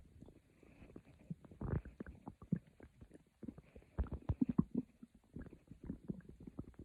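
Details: Quiet, low gurgling and rumbling bursts from the abdomen, recorded as quiet growls for sleep; stomach growling (borborygmi).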